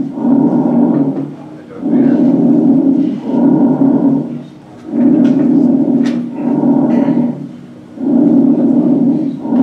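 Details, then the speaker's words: Bronchial breath sounds, an abnormal finding: loud, harsh, hollow, higher-pitched breathing with in-breath and out-breath about equally long. "some of the abnormal breath sounds if you're loosening bronchial higher pitch count sounds your inspiratory expert or ep's is about the same"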